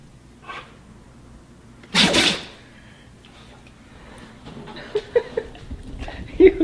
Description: Perhaps this iPad got into some crushed pepper, or maybe it's allergy season, but whatever the reason he simply can't stop sneezing!